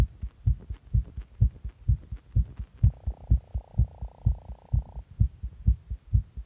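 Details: Tachycardia after stimulant use: fast, regular, strong heartbeat at about 128 beats a minute with a steady hum behind it.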